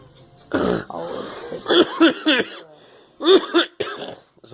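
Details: Several harsh, voiced cough bursts in quick succession with throat-clearing sounds from a girl in a small room; cough.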